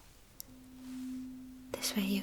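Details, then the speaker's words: Tuning fork placed behind the ear then beside it in a simulated ASMR cranial nerve exam roleplay; still heard beside the ear after it fades behind: normal Rinne test, air conduction better than bone. "And now I will put uh the tuning fork right behind your ear. Uhhuh. And uh we'll do the same test. So you will simply let me know uh when you stop hearing the sound."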